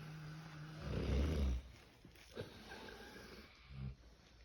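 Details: A sleeping pig snoring: a deep, rumbling, low-pitched snore followed by a couple of softer snorting breaths.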